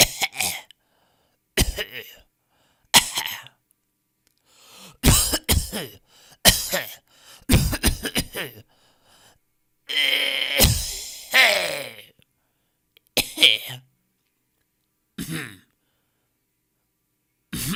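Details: Coughs from a 10-minute sound-effect compilation of different people coughing in different styles: about ten separate coughs and throat clears, some harsh and prolonged, in a quiet room.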